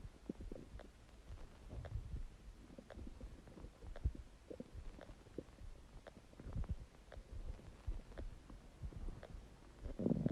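Low, irregular gurgles and rumbles come and go throughout, with brief bubbling pops and a louder rumble near the end: loud stomach gurgling (borborygmi).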